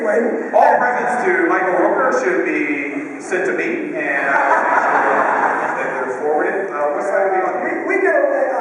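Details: Adult male speaker; normal voice.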